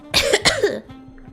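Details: Streamer coughing during a live stream, also sniffling: two quick, harsh coughs run together in a short burst, over faint background music.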